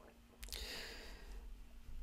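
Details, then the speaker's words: Adult's brief squelchy, squeaky gurgle over quiet room hum while she is reading a dictation aloud; ordinary stomach gurgling (borborygmi). "que vous entendez mon ventre qui gargouille bon faites pas attention"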